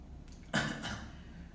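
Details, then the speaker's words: Habit cough: a single brief two-part throat clear in a quiet room, a benign habit after throat irritation or secretions, possibly following viral voice-box inflammation. "so this is again i mean that benign thing they feel something is irritating their throat maybe some secretions so they have a glass of water and throat gets cleared and cough gets stopped this is a habit cuff"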